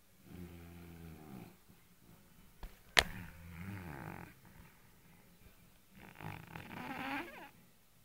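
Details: Loud, rough, rattling snores on breathing in and out from a sleeping fat white cat, with a sharp knock partway; heavy snoring.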